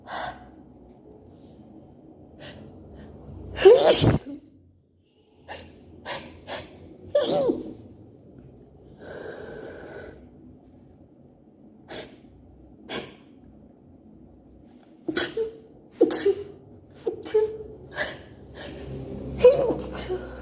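A run of sneezes with sharp gasping in-breaths before several of them, a fit of repeated allergic sneezing.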